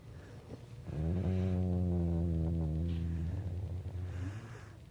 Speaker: Listen to how my dog snores.